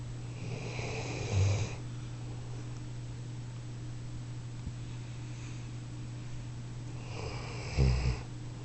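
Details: Ginger snoring while groggy after anesthesia: two loud, snorting snores about six seconds apart over a steady room hum; snoring.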